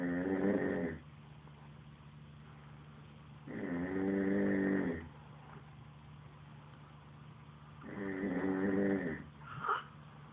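Three buzzing, fluttering snores about every four seconds over a steady low room hum; ordinary snoring.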